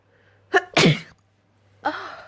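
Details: Two wet sneezes: a sharp inhaled catch then an explosive wet burst, followed by a softer second sneeze.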